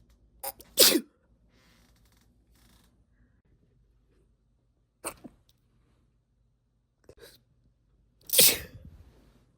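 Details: Induced sneezes in a female who is a long-time sneeze stifler and not usually sneezy: two loud, explosive sneezes at the start and end, with softer, partly held-back sneezes between them.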